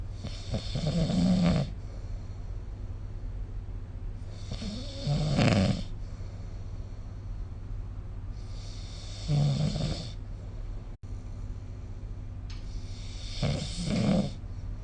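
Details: Snoring during sleep recorded with the SnoreLab phone app: loud, rattling snores about every four seconds, roughly 15 a minute, with quieter breaths between.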